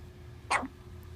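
One short, sharp burst over quiet room noise, fitting a single hiccup.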